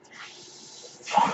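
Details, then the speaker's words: Podcaster's own ventilator audible in the background while they speak; mechanical ventilator noise. "Hello everyone, my name is . That noise you're hearing is my ventilator, and thank you for tuning in to Page Turners They Were Not, my Star Wars podcast."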